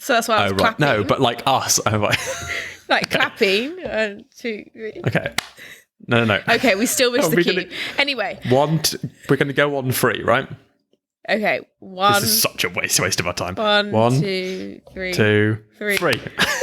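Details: Stammering in an adult, in conversational speech.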